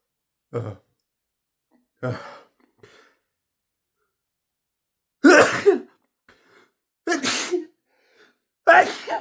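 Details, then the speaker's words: Adult deliberately inducing sneezes: two small nasal build-ups, then three forceful, sharp explosive sneezes in quick succession; sneeze. "There's a good spot. Oh, oh, oh, I need to sneeze. Come on."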